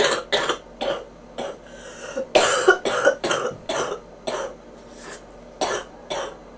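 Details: Bronchitis cough from a person with popping ears: about eleven harsh, chesty coughs in quick repeated bursts with brief breaths between them.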